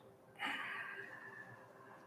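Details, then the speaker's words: A dog snoring in the room during an exercise class: a single raspy, noisy breath lasting over a second rises out of the quiet and slowly fades. "Hear the snores. Can you hear Buddha? Oh, is that Buddha?"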